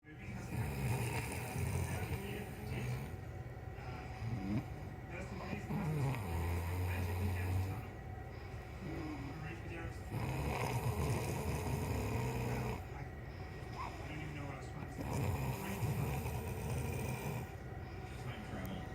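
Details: Snoring: deep, rumbling snores in repeated cycles of a few seconds, over steady background noise, possibly a vehicle.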